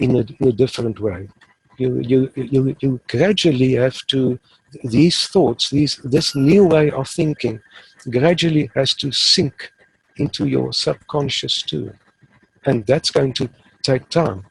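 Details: Stuttering in an adult man who has stuttered since about age 3 or 4 and now uses the passive airflow technique; he reports being fairly fluent, so stuttering here may be mild or not heard.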